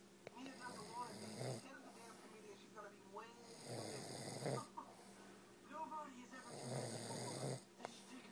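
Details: Recorded in 2011 during sleep: rough, fluttering snores on breathing in, roughly every three seconds, with quiet breathing out between them; snoring.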